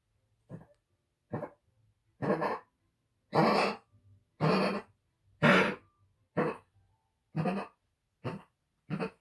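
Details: Dog coughing fit recorded on 18 February 2022 at 8 pm: a run of about ten short, harsh coughs in quick succession.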